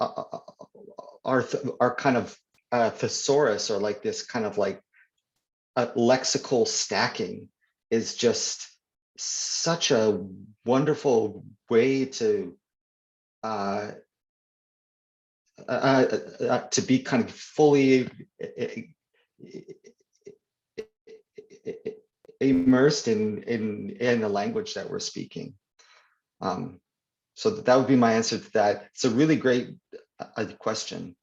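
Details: Stuttering (stammering) in an adult man; word and phrase repetitions are audible in spontaneous interview speech.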